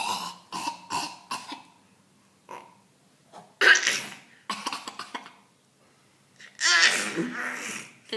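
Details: Child imitating his dad's cough; imitated cough.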